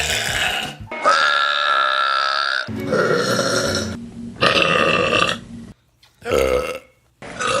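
Several loud, drawn-out voiced belches in a row, separated by short pauses; repeated burping.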